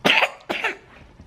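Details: 14-month-old boy with a common cold and upset stomach diagnosed at a clinic: two short, harsh coughs, the second weaker and trailing off; acute cough.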